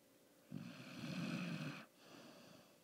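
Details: Oakley snoring: one soft, low, rasping snore just over a second long, then a quiet breath in a still room; the snoring was much louder earlier.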